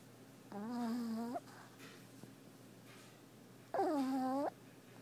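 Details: Sleeping puppy: two loud, tonal, whistling snores about three seconds apart, with quieter breathing between; snoring.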